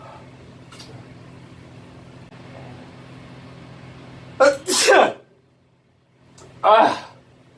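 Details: Adult male sneezing in a bathroom: two loud explosive sneezes, the first with a sharp inhaled lead-in, in a small echoing room with a low fan hum.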